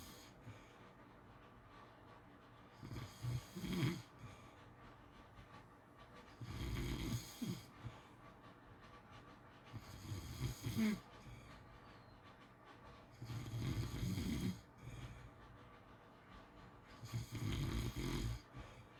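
Low, rumbling snores with each breath, about 18 a minute, slightly uneven: snoring during sleep.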